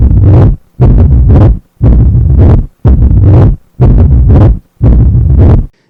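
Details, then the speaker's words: 12-year-old girl with mitral stenosis, sinus rhythm and pulmonary arterial hypertension: low, rough rumbling mid-diastolic murmur filling most of each cycle at about 58 beats a minute. "but this particular quality of Mama makes it almost certain that it is a diastolic murmur of mitral stenosis"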